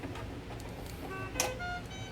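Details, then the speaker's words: PB 840 ventilator, not connected to a patient, in a lecture demonstration: electronic tonal alarm tones after a brief click, volume turned down; triggered by causes like high pressure, with red light; ventilator high-priority alarm. "So, high priority on this one is a real loud, obnoxious sound. I don't know if I can get it to, sometimes I can get it to duplicate. Well, actually here, I can get it to duplicate."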